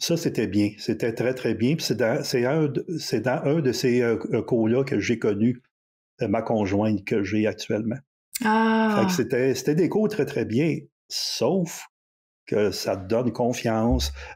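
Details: 64-year-old recently retired man who stutters; changed his approach to stuttering after retirement over a year ago, with avoidance reduction therapy (TREB) and ACT discussed; stuttering.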